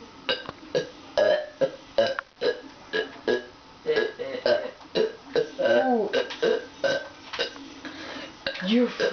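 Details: Boy burping on purpose for the camera: a rapid run of loud, throaty belches one after another with short gaps; repeated burping.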